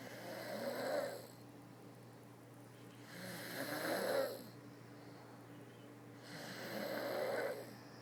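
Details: Sleeping person giving three rough, rattling breathing sounds about every three seconds, roughly 19 a minute, with quiet pauses between; snoring.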